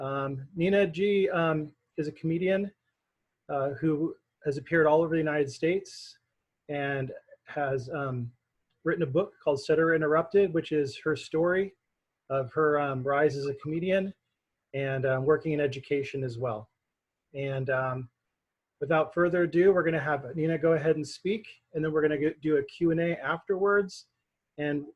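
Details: Adult speaker; typical speech.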